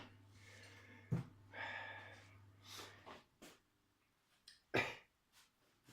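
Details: Sneeze from an adult with a cold who is also wheezing and sniffing.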